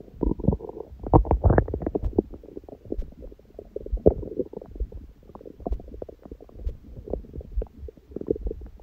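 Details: Own belly recorded after a big first meal of the day at 4 pm, following water-only fasting since 7 pm the previous day, and after ab workout, on a raw-food diet: frequent gurgles, bubbling and squeaky rumbles; active normal bowel sounds.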